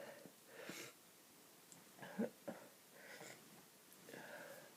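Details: Adult with a bad cold and congested, snotty nose, sniffing and blowing: nasal sniffs and breathy bursts, then a couple of abrupt surprise sneezes. Sneezing.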